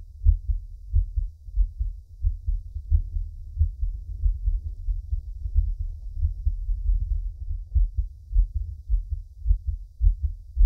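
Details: Soft, regular low thumps of an adult man's own heartbeat recorded for relaxation, steady rhythm with no added sounds; normal heartbeat.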